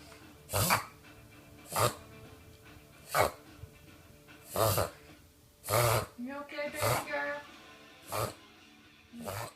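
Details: Reverse sneezing in a Bichon Frise dog: repeated harsh snorting inhalations about one a second, a typical reverse sneezing episode.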